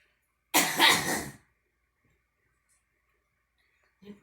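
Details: A girl coughing: a single harsh cough burst in a quiet room, followed by silence.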